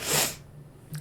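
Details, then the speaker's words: A single sharp, hissing adult sneeze fading into room quiet with a faint hum. "Oh, what a sneeze. Oh, sneezing and coughing right"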